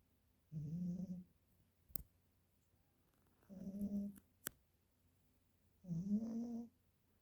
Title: Cat snoring. 😅